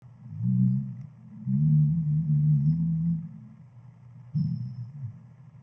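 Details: Snoring of a dog fast asleep: deep, drawn-out tonal snores with a brassy, trombone-like hum over several slow breaths.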